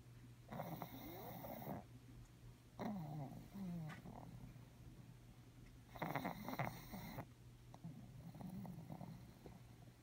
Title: Pug snoring